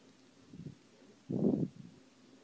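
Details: Puppy hiccups recorded on a phone: two brief, low, muffled jerky sounds about a second apart, the second stronger, in a quiet setting. The hiccups stopped when a heater kicked on and startled him.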